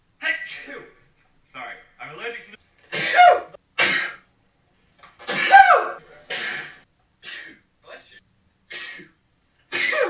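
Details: A run of sharp, explosive sneezes with short pauses and brief voices between them; sneezing.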